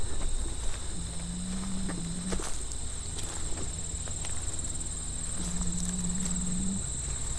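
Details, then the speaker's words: Napping pig, one of several, snoring loudly in the middle of the day: two drawn-out, low, droning snores about four seconds apart over steady outdoor background noise. "One of the pigs is snoring. Uh-oh. The jig is up. They snore loudly."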